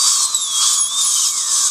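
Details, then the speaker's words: Steady high-pitched whine with gliding pitch: a surgical handpiece perforating extraction socket walls to induce bleeding during L-PRF bone grafting on a patient, irrigated with plenty of water. "This is a surgical handpiece. You can either use your surgical handpiece or your implant handpiece. What I'm going to do is just create some bleeding holes in every socket. I'm just going to perforate the socket wall and simulate some bleeding."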